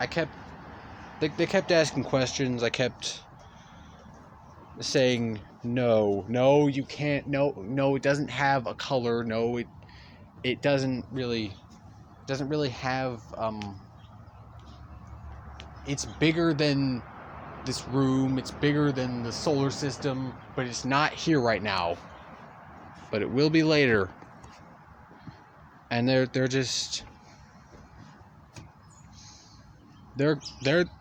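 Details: Stuttering in a male speaker who stutters throughout continuous storytelling.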